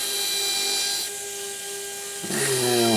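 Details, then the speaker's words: High-pitched implant drill whine rising and dipping as it is pumped up and down for irrigation, final 2.1 mm drill to 8 mm completing osteotomies for SATURNO narrow implants in the anterior lower jaw. "so pumping up and down to get irrigation into the osteotomy and completing my osteotomies like you see here"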